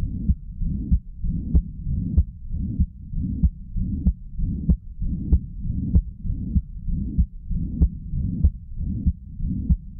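Regular heartbeat about 95 a minute with a continuous blowing murmur filling systole, typical of mitral and tricuspid regurgitation.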